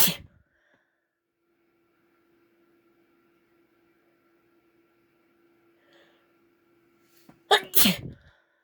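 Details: Induced sneezes from a female, using a tissue.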